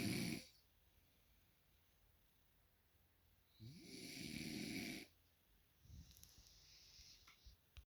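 Rough, fluttering breaths about five seconds apart with quiet gaps. Snoring.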